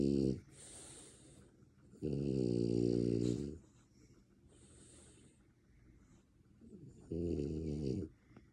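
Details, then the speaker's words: French Bulldog snoring while awake: loud, rattling, snore-like breaths on inhalation, about three in eight seconds, with quieter breathing between. "Are you snoring while you're awake?"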